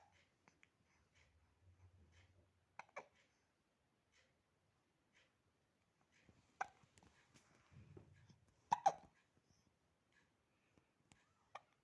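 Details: 8-week-old baby boy in a quiet room: repeated short, abrupt catches in breathing, a run of hiccups.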